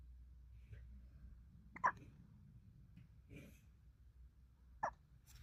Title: Sleepy with a touch of the hiccups